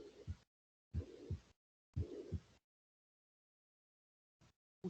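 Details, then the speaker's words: Systolic heart murmur: two heartbeats with a whooshing sound filling the gap between first and second sounds; accompanying explanation describes a crescendo-decrescendo murmur of aortic or pulmonary valve stenosis. "também é um sopro elas abriram com dificuldade causando aceleração e turbilhonamento do fluxo e consequentemente um soco esse sopro tem intensidade variável que vai aumentando até um bico"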